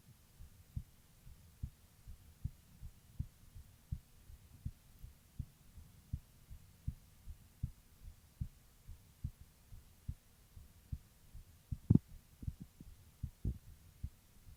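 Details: A female heartbeat recording: steady, regular low heart thumps at about 75 beats a minute with a faint background hum, a normal heartbeat.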